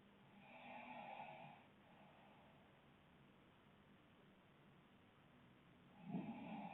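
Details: Two people snoring: rough, rattling breaths about five seconds apart separated by quieter breathing; sleep snoring.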